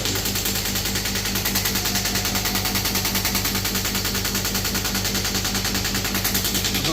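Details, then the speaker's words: Radial shock wave therapy machine (model HCD0121) demonstrated on the hand after starting the compressor: steady rapid mechanical pulsing, about two a second, over compressor hum; handpiece firing, user felt pricking and lowered frequency and power afterwards. "Start यहां से machine हो गई। Compressor चालू हो गया। जब मैं इस बटन को दबाऊंगा तब मशीन स्टार्ट होगी।"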